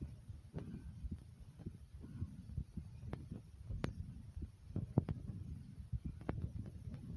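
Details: Self-recorded adult heartbeat while breathing hard: muffled, quick, low thumps faster than resting rate, with scattered handling clicks.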